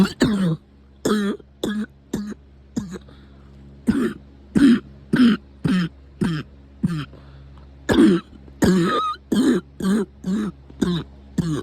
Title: Coughing frenzy